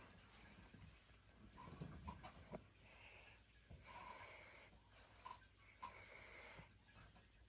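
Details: Sweet, soft snoring from Pangpang, a pug, napping on a cold winter morning before waking for breakfast.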